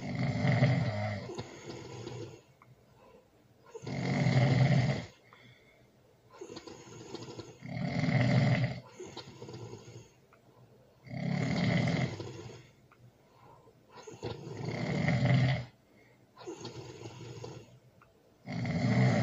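Loud, rumbling snores alternating with softer breathing sounds, about 16 breaths a minute, in a quiet room: heavy snoring during sleep.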